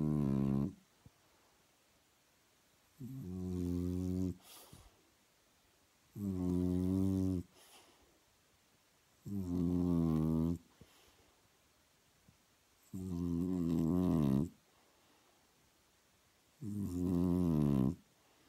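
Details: Loud, deep, buzzing snores from a sleeping French bulldog, about 17 breaths a minute, with quiet pauses between; snoring.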